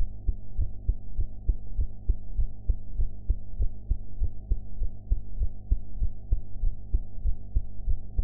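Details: Own heartbeat recorded after eating, with sound quality enhanced: regular soft thumps at about 98 beats a minute under a steady hum; ordinary heart sounds, slightly fast.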